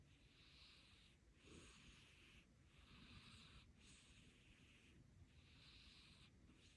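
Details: Devon Rex kitten sleeping soundly on a lap, snoring: about five soft, hissing breaths, each with a faint whistle; gentle snoring.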